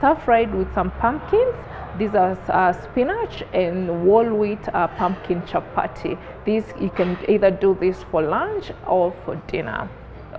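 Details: Adult woman; normal speech.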